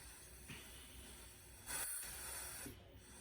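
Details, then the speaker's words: Quiet steady hiss with a brief airflow surge as a ventilator delivers a breath at the start of a respiratory rate range test set at 10, then 20 and 30 breaths per minute, first on pressurized oxygen. "Beginning test now. We will capture several breaths at each setting, 10, 20, and 30 breaths per minute."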